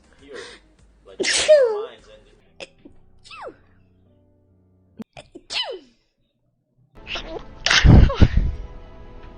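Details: VTuber sneezing, mentions having allergies: brief vocal sounds, then a sharp sneeze and a second louder sneeze, with faint music behind.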